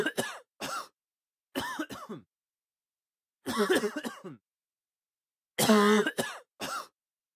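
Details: Human cough sound effect.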